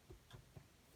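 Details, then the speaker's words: During a student nurse's respiratory assessment of an adult woman, percussion over the scapula on the back gives a dull, flat note, the expected normal finding there. "and then in the back you should hear dullness or flap on the scapula"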